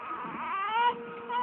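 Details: A baby girl gives a brief, tonal cry with a fussy, rising-falling voice before later laughing.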